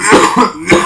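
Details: Adult with a chronic cough lasting about a week: two to three short, harsh coughs in quick succession in a small room; recurring cough.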